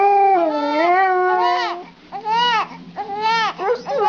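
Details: An infant cries in strong, tuneful wails while a dog howls along in a long, sustained tone; infant crying.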